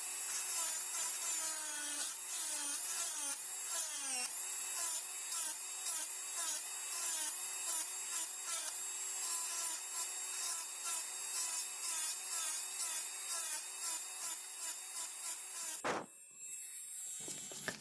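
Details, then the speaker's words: Simulated preparation of mandibular first molar (FDI #36) on a typodont for full veneer crown: high-speed handpiece whine dipping in pitch as bur bites during occlusal reduction of lingual cusps, then stopping abruptly. "So, and if you look a bit lingually, you can now appreciate how I have reduced the height of the mesiolingual cusp, and it is still in the shape of a cusp. So I will do the similar thing for the distolingual cusp also."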